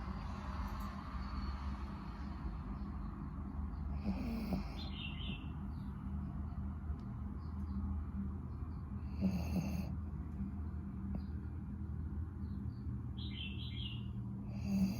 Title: My dog snoring while taking a nap